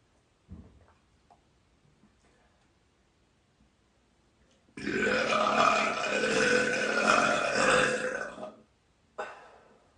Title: Burping in my 👙 #belching #burp #girlburp #queen